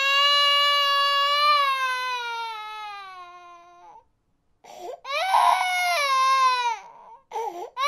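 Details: Sound-effect recording of a baby crying: a long, high, falling wail, a pause for breath, then crying again.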